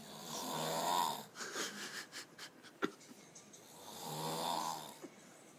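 Two loud, vibrating snores on inhalation, separated by softer breathing noises; ordinary snoring.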